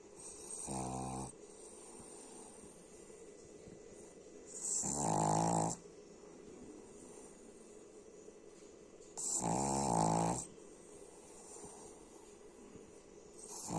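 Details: Sleeping dog snoring: three rattling snores about every 4–5 seconds, roughly 13 breaths a minute, over steady room hum; ordinary dog snoring.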